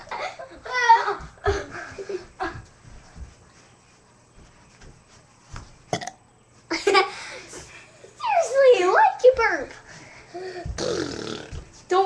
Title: Odd Weird Girls includes burping and crazy